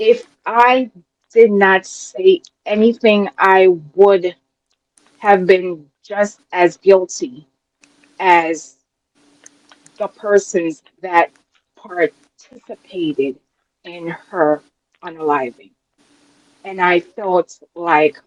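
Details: Adult woman with a self-described speech impediment, which she calls her disability; the host notes she works through challenges with her speech; real: speech impediment.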